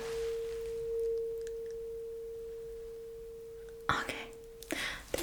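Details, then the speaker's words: Simulated ASMR cranial nerve exam roleplay, hearing test of the second ear: a struck tuning fork gives a steady, pure mid-pitched hum that fades slowly while the patient reports when it becomes inaudible. "Again, you have to let me know when the sound is not audible anymore, when you cannot hear it any longer."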